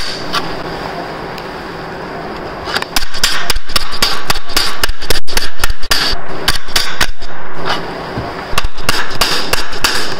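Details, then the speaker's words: Femoral impaction broaching, with the broach kept parallel to the femoral neck and no rasping, during anterior-approach total hip replacement on a male patient. Rapid, loud, sharp metallic hammer blows come in bursts. "We proceed with the broaching. The brooch needs to be parallel to the femoral neck. This is impaction broaching, so you don't rasp."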